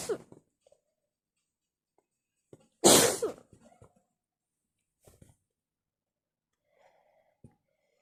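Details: One loud, explosive wet sneeze with a sharp intake beforehand, then a few soft sniffs and small noises in a quiet room; part of a wet, messy sneezing attack.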